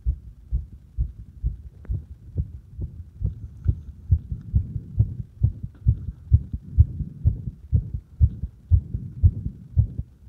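Low, muffled lub-dub heartbeats at the apex with firm stethoscope pressure, roughly 65–70 beats a minute; normal heart sounds.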